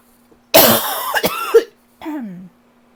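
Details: Lingering cough that won't go away: a forceful, harsh cough burst followed by a short throat-clearing sound.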